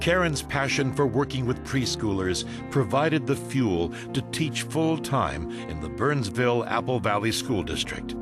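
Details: Adult male narrator; normal fluent speech.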